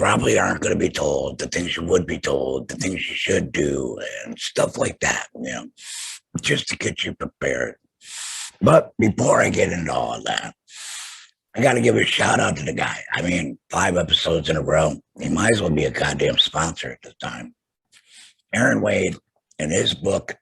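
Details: Adult male laryngectomee after throat cancer, total laryngectomy with vocal cords removed; alaryngeal speech after total laryngectomy.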